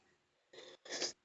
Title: Whistles and sneezes